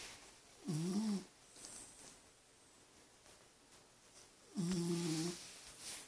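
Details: Rescue dog snoring while asleep.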